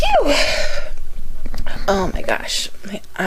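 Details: Female repeated sneezing induced by sniffing an irritating soap, with tickling and watering eyes: short bursts of sharp sneeze expulsions with brief vocal sounds between.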